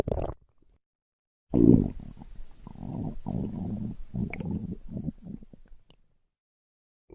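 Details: A brief gurgle, then a long low rumbling growl with bubbling and squelching pulses from the belly: ordinary stomach growling (borborygmi).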